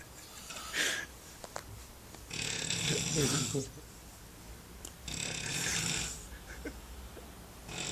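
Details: Man snoring in a hostel in central Berlin; two long, rough, rattling breath sounds a few seconds apart over room noise: loud snoring.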